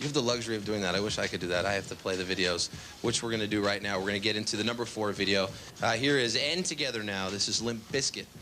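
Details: Adult male speaker; ordinary speech.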